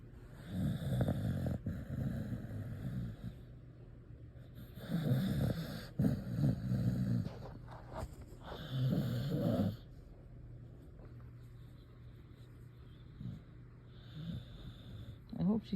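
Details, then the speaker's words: A sleeping female dog, apparently dreaming and moving as if running, gives several long, rumbling, low-pitched snores over a steady room hum, after a thunderstorm: snoring. "She's snoring. She must be running or something in her sleep."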